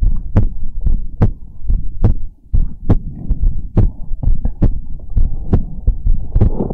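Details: Steady, deep paired thumps at about 70 beats a minute with a low hum behind them, recorded for ASMR; a regular, normal heartbeat.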